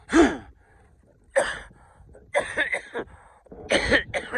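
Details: Adult man with a nagging allergy cough, not otherwise sick, recorded outdoors: four harsh, dry coughs spread over a few seconds with quiet breaths between.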